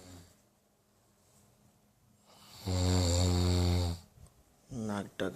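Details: Loud, deep, rattling snore on one inhalation followed by a shorter snort, recorded at 3:30 at night in a quiet room; ordinary snoring.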